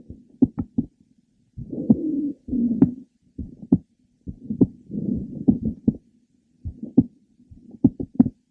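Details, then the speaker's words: Mitral valve prolapse patient, apparently at the third left sternal border: irregular rhythm from frequent premature ventricular beats with a series of clicks in mid to late systole. "okay you could detect her frequent premature ventricular beats and her series of clicks that were heard in the mid to last part of cyy let's listen again"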